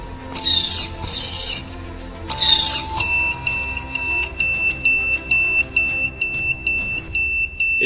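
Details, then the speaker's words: Prototype mechanical ventilator from engineering students, mechanical motor and Ambu bag system running: bursts of high warbling tones, then steady short high beeps, as airway pressure exceeds the set maximum inspiratory pressure, stopping the system and calling the doctor. "الالارم البريشر بتاعي عالي عن البريشر اللي انا كنت مظبطه في الماكسيمم انسبيراتوري بريشر، فادى الارم وبيوقف السيستم كله وبيقول للدكتور تعالى"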